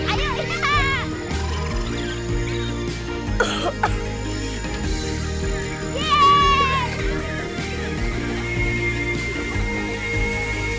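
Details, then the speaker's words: Acted child's cough for an advert: two brief, sharp cough bursts partly masked by steady background music; mother attributes it to cold and tiredness. "Kamu batuk karena kedinginan dan kecapean tuh."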